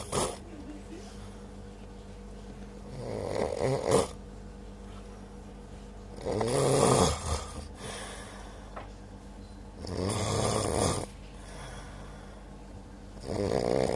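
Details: Passenger asleep on a bus, snoring loudly with rattling snores on each in-breath about every three to four seconds over steady vehicle rumble; snoring.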